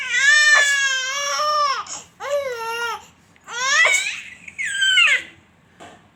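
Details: Baby in a clip of laughing at sneezes, where someone says the baby isn't laughing and its throat hurts: a high-pitched, wavering cry in several drawn-out sobbing bursts separated by breaths, in a small room; infant crying.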